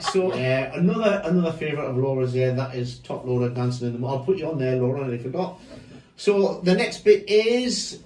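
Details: Adult man speaking; typical speech.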